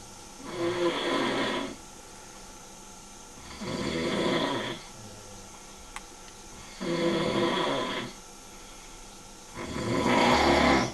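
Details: Very loud, rough snores on each breath in, about four in eleven seconds, separated by quiet pauses; heavy snoring heard during a trip.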